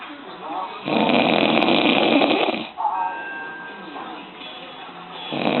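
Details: Dad caught snoring: a long, loud, rough snore lasting about two seconds, then softer noisy breathing, with faint background sound.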